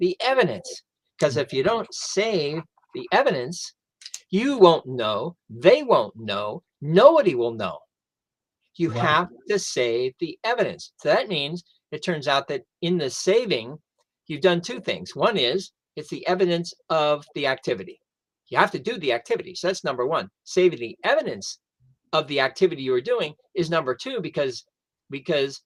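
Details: Adult male stroke survivor who lost his language after a stroke, now with mostly expressive (Broca's) aphasia plus some receptive difficulty; expressive aphasia.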